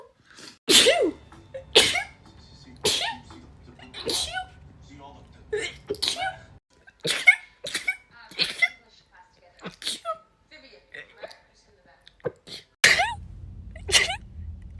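A rapid series of sharp, explosive sneezes, around a dozen, each with a short breathy lead-in, some with faint room hum between them.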